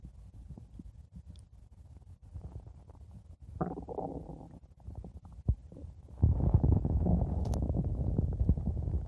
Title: blue diamond stomach growling 5 minutes